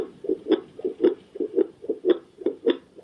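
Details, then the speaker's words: Handheld fetal Doppler probe on pregnant abdomen: rapid, regular, galloping whoosh-thump pulses of normal fetal heartbeat, roughly 110 per minute, rate shown on display. "നമുക്ക് ഗർഭിണികളുടെ വയറിന്റെ മുകളിൽ probe വെച്ച് കഴിഞ്ഞാൽ നമുക്ക് ഇതുപോലെ നമുക്ക് ഹാർട്ട് റേറ്റ് കാണാനും ഇതുപോലെ കേൾക്കാനും പറ്റും"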